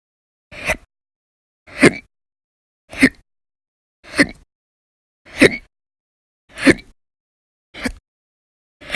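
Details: Audio-only recording of violent, very loud persistent hiccups, in daily bouts lasting about 10–13 hours in December 2019: eight abrupt sharp gulping sounds at a steady pace, about 50 a minute, with silence between.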